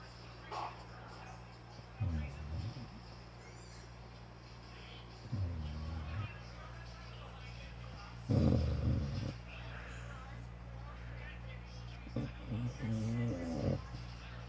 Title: My six month old chocolate lab snoring loud